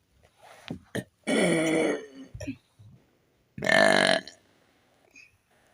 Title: me burping on command